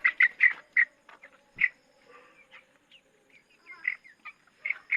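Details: A 23-day-old chicken with a cold, with head shaking and nasal discharge when the nose is pressed, is held and gives short, harsh, repeated bursts: abnormal respiratory sounds of a cold.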